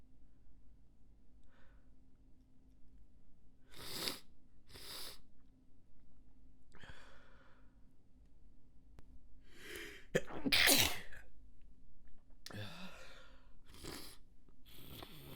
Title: Stifled Sneezes and a Snotty Noseblow